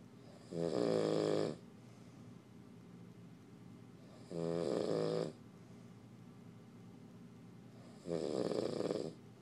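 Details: Snoring in the dark when tired: three loud, rough, vibrating snores on the in-breath with quiet breathing between, about 16 breaths a minute, in a quiet room.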